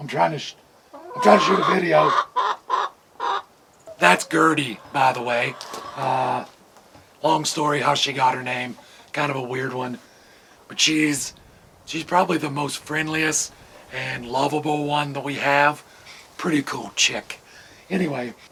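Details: Man with vocal cord paralysis caused by surgery that damaged throat nerves, paralyzing the muscles acting on his vocal cords; talking is hard; he hopes it is temporary; finding: vocal cord paralysis.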